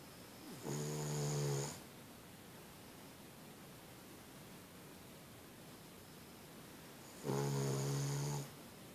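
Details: Boston Terrier dog sleeping soundly on a bed: two long, rattling snores about six seconds apart over steady room hiss, roughly ten breaths a minute; snoring during sleep.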